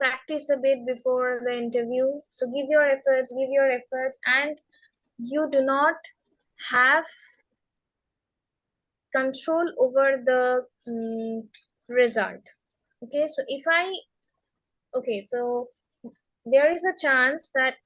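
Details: Woman who has stammered since age six, speaking in a real interview; stammering.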